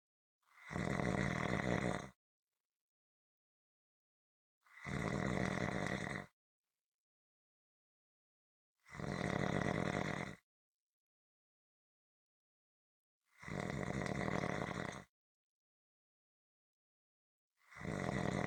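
Loud rough snores on each breath in, about 13 a minute, evenly spaced with silent pauses between them.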